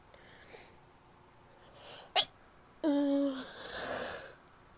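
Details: Female sneezing: a few sharp, wet sneezes with a stifled false start, then a longer voiced outburst and a nose blow.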